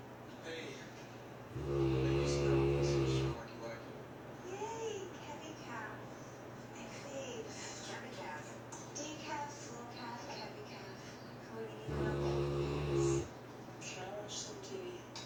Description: My St. Bernard, or child, sleeping. He snores loudly and often dreams and barks in his sleep. His snoring is louder than that of a human. :-)